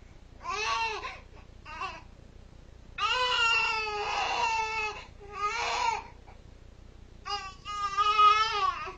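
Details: An infant cries in rhythmic, repeated wailing bursts with short pauses while a cat soothes the baby, in a quiet small room.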